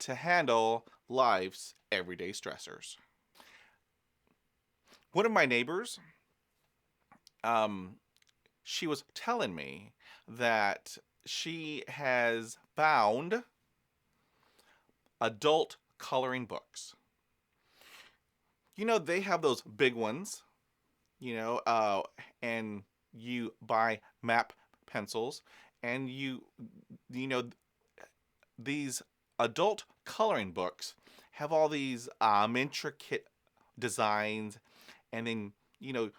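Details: Adult man who is a person who stutters, speaking about stuttering and self-care; stuttering.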